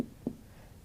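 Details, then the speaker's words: Abdominal exam percussion in the mid-clavicular line, starting halfway down the abdomen and moving up toward the liver: two hollow, drum-like taps giving a tympanic note over gas-filled bowel. "you can hear that. That's to panic. It sounds very much like bowel."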